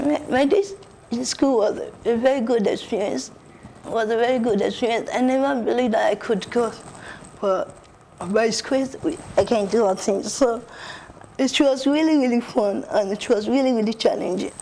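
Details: Adult woman with cerebral palsy; dysarthria in cerebral palsy.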